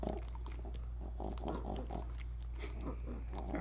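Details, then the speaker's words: A dog sleeping on the owner's lap, snoring and snorting a lot, with the owner considering a vet check; snoring stops when turned sideways: quick, repeated snuffling snorts over a steady low hum. "might have to get him checked out he uh he snorts a little too much he sleeps on my lap at night when we watch uh tv and and i got a position that he does not snore in"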